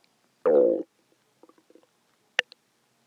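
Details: Loud hungry stomach growl recorded right after a longer recording, when a big one was felt coming: a low gurgling growl, then a few soft bubbling pops; borborygmi.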